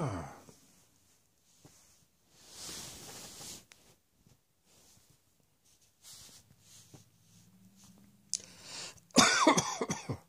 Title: Cross Dressing Coughing 80